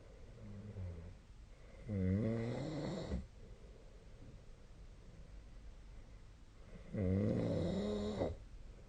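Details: Sleep snoring recorded with the SnoreLab snore-tracking app on 2025/02/05. Two loud, rattling snores about five seconds apart, each about a second long, with quiet breathing between them.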